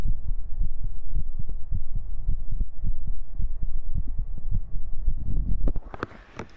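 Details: Heartbeat sounds played during a binaural 3Dio microphone ASMR stream: steady low thumps at about 70 a minute, soft hum underneath, handling noise near end; normal heartbeat.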